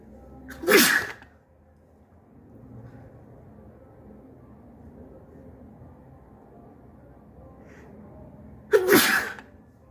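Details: Two forceful, wet sneezes about eight seconds apart with quiet room noise between; snotty sneezes.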